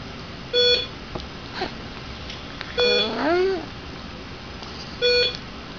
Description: with stridor while awake